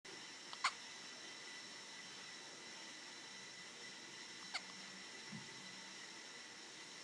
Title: Day-20 New born baby Hiccup 딸꾹~ 신생아딸꾹질